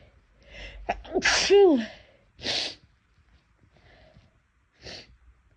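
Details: Repeated sneezing from nasal irritation lasting several days: a sharp inhale, then a loud sneeze with a falling 'achoo', followed by two smaller sneezes or sniffs.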